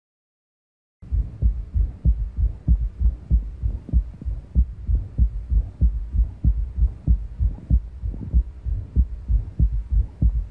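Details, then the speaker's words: Male patient heard in the axilla over a displaced apex, suggesting dilated chambers, regular heartbeat about 95/min; a faint third heart sound and a squeaky systolic murmur fade away and come back. "comes and goes kind of a squeaky systolic murmur there it is fades away and comes back this is a bit more typical of what you're going to be hearing"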